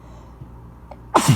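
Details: A first-time feather-provoked sneeze: the feather is trimmed and pushed into the left nostril of narrow nasal passages, quiet indrawn breaths come during a failed holdback, then one sudden loud sneeze burst.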